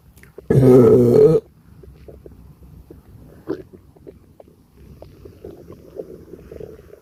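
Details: Stomach rumbling, borborygmi from a gassy stomachache, with burps.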